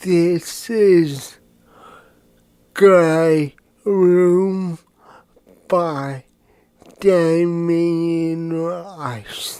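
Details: Male with very slow speech and movement after a traumatic brain injury, hit by a car at age 8 and in a coma for 5 months, speaking before singing a song: dysarthria (slow speech) after traumatic brain injury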